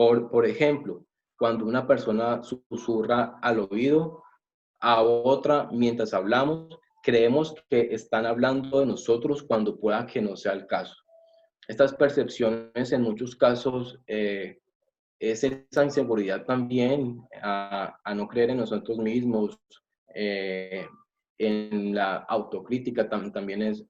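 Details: Adult male from Colombia speaking Spanish who reports that he has stuttering; stuttering.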